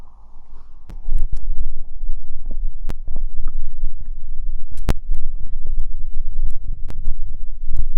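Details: Stomach growling after drinking cider: loud continuous low gurgling and rumbling with scattered pops and clicks; borborygmi.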